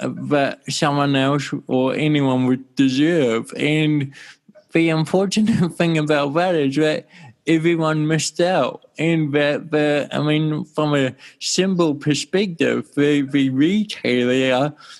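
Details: Dysarthria from congenital cerebral palsy in an adult male born in 1984, with walking also affected.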